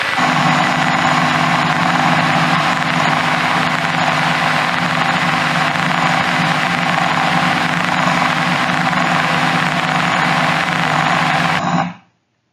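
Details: Deep brain stimulation microelectrode recording for movement disorders in the zona incerta: steady dense rushing crackle with sporadic, alertness-dependent cell firing.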